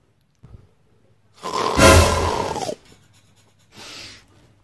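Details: Loud, rough, roaring snore lasting about a second and a half, then a softer breath, from a sleeping little brother in a quiet room; heavy snoring.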